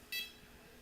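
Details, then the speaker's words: Single short high-pitched pulse beep from an OxiMax N-85 capnography/pulse-oximetry monitor on a patient. Beep pitch tracks SpO2: higher saturation gives a higher pitch, lower saturation a lower pitch. "the beeping that we hear is kind of interesting when the spo2 is higher it'll be it'll beep at a higher pitch and when it's lower if it was going into the seven just something you hear would be be it'll go lower pitch"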